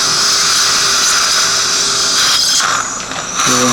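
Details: Steady high-pitched drill whine with a brief pitch drop: dental surgical motor drilling pilot holes in the upper jaw of an anesthetized man for 2.5 mm mini implants stabilizing an upper denture.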